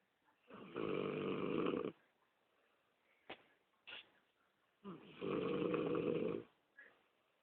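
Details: Person snoring during sleep: two loud, rough snoring breaths several seconds apart, with faint clicks and quiet in between; ordinary snoring.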